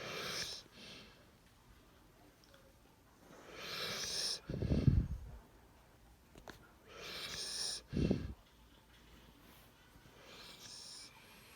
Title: My dogy snores